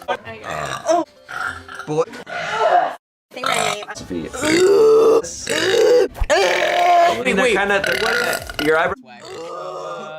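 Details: Compilation of one person's burps: a series of long, loud, voiced belches with brief pauses between them over background music; repeated burping.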